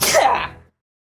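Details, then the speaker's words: Speaker's sneeze after anticipating it: a single loud, breathy burst that fades quickly, one sneeze. "sometimes I do amp it up and kind of just like I'm going to sneeze please come on well I'm going to sneeze"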